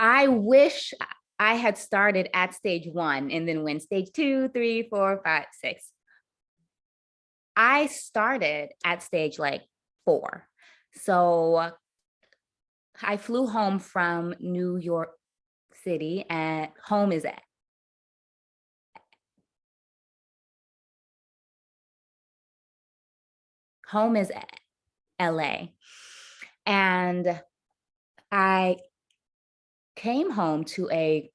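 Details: Adult woman who stutters; her stutter worsened under the stress of caregiving for her mother and grandmother with dementia, at times becoming nearly unintelligible; stuttering.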